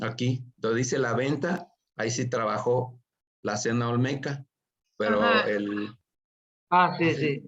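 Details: Aphasia after acquired brain injury from stroke in a participant of an art history workshop for people with aphasia, giving a spoken presentation in Spanish; finding: aphasia.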